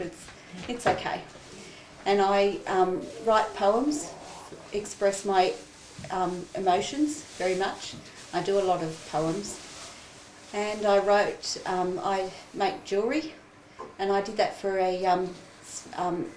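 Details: Woman with aphasia caused by an illness that attacked the brain's language areas, with difficulty finding words, understanding some words and putting words together; aphasia.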